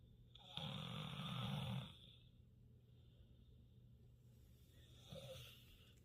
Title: Marley snores so loud😂🤣 #pitbulls #dogs #marley #doggos #itsapittieparty #dogssnoring